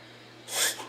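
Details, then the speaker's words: Female dog's reverse sneeze: a single sharp, hissing nasal snort, a brief spasm that often scares owners into thinking it is a fit or seizure. "get up close you can see her basically this is what we call the reverse sneeze and it is not at all uncommon and typically it is a little scary to people the first time they hear their dog do it or see their dog do it"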